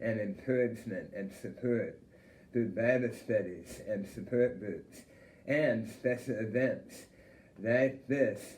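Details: Adult male who survived stage 3 head and neck tongue cancer; total glossectomy at age 32, over 20 years ago, followed by radiation therapy; self-described speech impediment; finding: speech impairment after total glossectomy.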